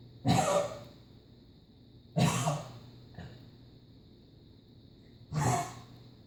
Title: Muffins cough